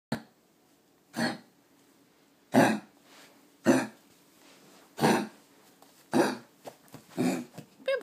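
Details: A dog coughing: a run of harsh, dry coughs about a second apart, roughly seven bursts with a few smaller ones near the end.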